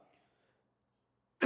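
A faint murmur of sound, near silence, then the sharp, loud onset of a single adult cough, cut off at the end.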